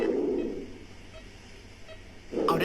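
Soft, low rustling breath sounds with a quiet pause between them; normal vesicular breathing.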